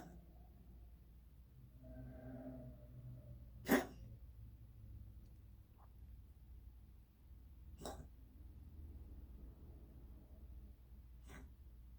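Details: Cat with a weird cough persisting for months, owner says not a hairball: three brief, sharp, isolated coughs spaced several seconds apart in a quiet room.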